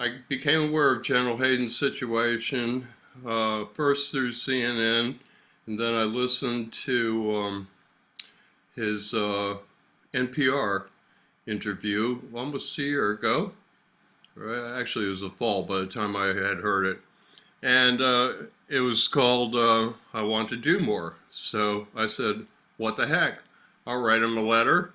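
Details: Adult male speaker; Normal speech.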